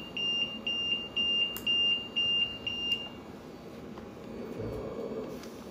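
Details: Repeated high-pitched electronic beeps, about two a second, in short bursts that then stop: an audible alarm signaling a fault on a CareFusion LTV 1150 home ventilator during initial setup; it resets once the problem is fixed.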